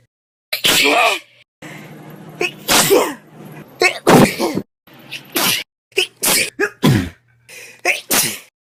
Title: Me sneezing for a whole minute